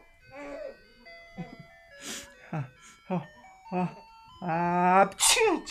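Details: A father pretends to sneeze for his 3-month-old baby, who laughs: short voiced bursts, a drawn-out "ahh," then a sharp noisy "choo," with background music throughout.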